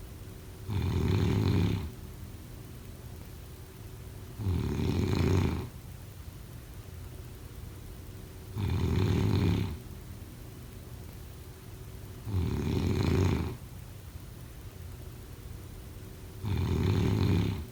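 Regular low rumbling snores, about 15 a minute, each lasting about a second, over steady background hiss. Ongoing snoring during sleep.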